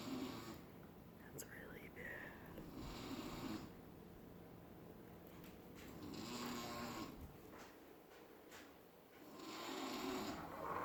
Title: Mom is snoring !